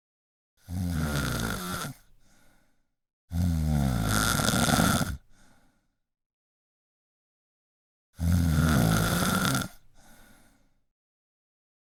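Harsh, vibrating inhaled snores with short exhales, four in about twelve seconds at uneven spacing. Ordinary snoring.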